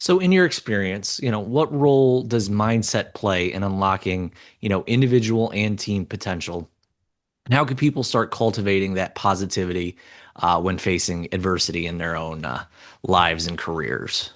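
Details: Adult man; typical speech.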